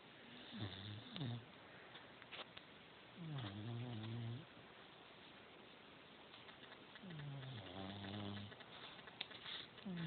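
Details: Rosie snoring during sleep: soft, groaning snores with vibrating breaths a few seconds apart over light background noise; snoring.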